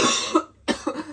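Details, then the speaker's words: Adult who says they are really ill coughs in two short, harsh bursts with a wet, congested quality, separated by a brief silence. "De par la maladie. Regardez. C'est moi qui tousse."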